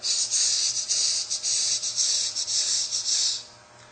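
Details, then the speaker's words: Vocal imitation of mixed mitral valve disease with tachycardia, contrasted with mitral stenosis: rapid, rough hissing bursts with continuous murmurs. "you have to differentiate this from the mitosis where you get as opposed to mix mitro valve disease with takic cardia you will"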